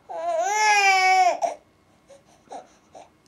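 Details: An infant fake-cries without tears to get mother's attention: one drawn-out, steady wail followed by small whimpers.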